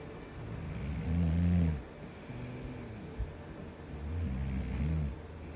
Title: I don’t snore